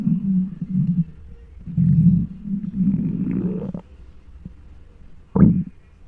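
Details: Hunger stomach noises recorded with a microphone on the belly of a very large person: loud gurgling, groaning growls in waves ending in a short rising squeal; normal hunger bowel sounds (borborygmi).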